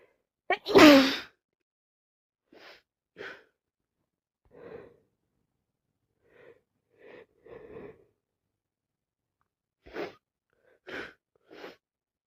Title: This cold kicking me constantly sneezing and blowing my nose